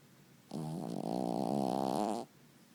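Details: A single drawn-out, fluttering snore from a sleeping, snuggling puppy: an ordinary sleep snore.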